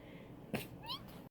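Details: Sneezing in a person who has been sneezing all morning: one sudden short burst over room noise, followed by a brief high-pitched vocal sound, fitting a small sneeze.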